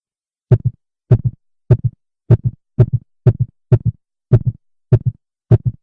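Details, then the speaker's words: Heartbeat during paced breathing near six breaths per minute, speeding up as lungs fill and slowing as they empty: clean, regular lub-dub about 100 per minute, normal respiratory sinus arrhythmia. "listen to the sound of the heartbeat and how it speeds up when the lungs are filling and slows down and when the lungs are empty"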